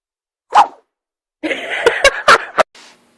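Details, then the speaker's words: A puppy sneezing: one short sharp burst, then a quick series of small snorting sneezes with sniffing between them. "Oh, I'm sick. He sneezed on me."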